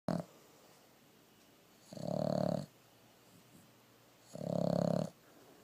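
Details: Boston terrier pug mix snoring while asleep with her eyes open.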